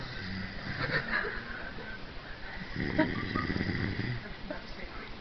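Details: Adult snoring: low, rough, rattling breathing noise with a fluttering throat vibration, rising and falling with each breath.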